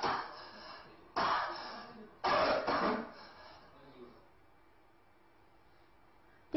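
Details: Three short, crisp, forceful dry coughs with sharp onsets, then another starting at the end; dryness-type dry cough, demonstrated in a Chinese medicine diagnosis lecture on listening.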